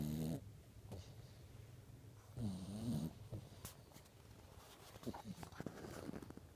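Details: Dog sleeping like a human and snoring: low, buzzing snores on breathing during sleep, about 22 a minute, with some quiet rustling.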